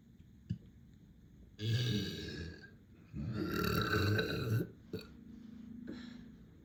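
Two long, deep, rumbling belches with a short grunt between, from swallowed air: burping.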